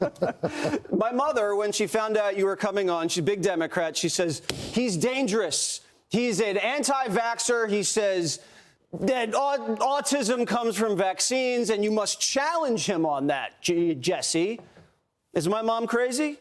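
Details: Adult speaker; typical voice.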